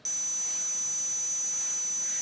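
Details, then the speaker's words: Simulation of tinnitus: steady high-pitched ringing with faint hiss, recreating a motorcyclist's own severe tinnitus that has developed and worsened over years and leaves the ears sensitive to loud noise. "i have a terrible case of tinnitus so just for kicks i thought i'd show you what tinnitus sounds like this is what i live with on a daily basis"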